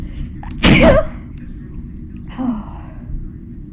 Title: loud sneezes